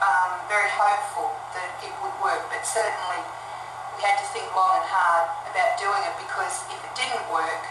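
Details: Adult woman speaking; typical speech.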